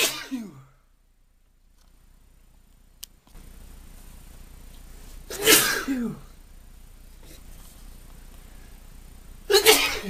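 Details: Adult male with hay fever from pollen, about half an hour of sneezing; three forceful sneezes within ten seconds with quiet breathing between: repeated allergic sneezing.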